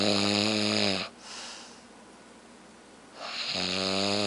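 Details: Man snoring heavily: two loud, buzzing breath sounds separated by a quiet pause of about two seconds; snoring.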